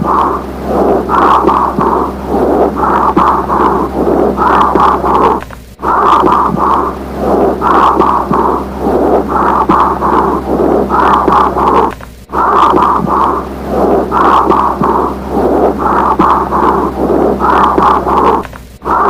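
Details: Whispered pectoriloquy heard on chest auscultation.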